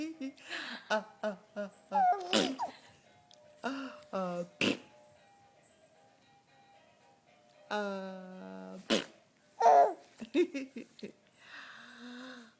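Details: A few sharp sneezes amid laughter and playful voices, with music-like tones in the background; someone laughing at the sneezing.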